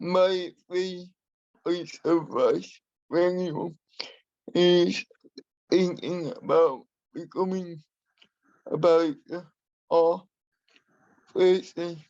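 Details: Adult man with spastic and dyskinetic cerebral palsy who uses a wheelchair; he has a speech impairment that he has worked to minimise and still practises; dysarthric speech in cerebral palsy.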